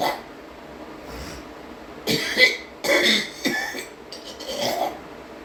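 Four harsh, forceful coughs in a short burst, with some throat clearing between them.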